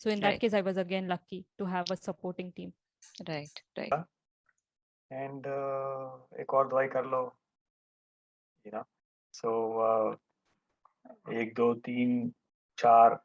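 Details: Adult male stroke survivor; after the stroke he could not talk and no one understood him, was almost mute about one and a half years, did daily speech practice with a therapist, and speech remains a setback; post-stroke aphasia.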